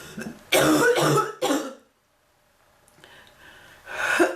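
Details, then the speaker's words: Several harsh throat-clearing coughs in a short burst, then a pause and another cough starting; persistent cough in an adult woman who says she is still not any better. "I've been coughing so much the bird learned to cough."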